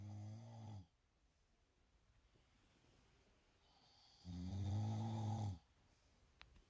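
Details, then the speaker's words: Adult man (husband) snoring during sleep while testing mouth-tape patches meant to reduce snoring: two deep, droning snores a few seconds apart, with quiet breathing between them. "encontré estos parches para mi esposo, ya que la noche no deja dormir con tanto ronquido, así que dije, voy a calarlo a ver qué tan cierto es."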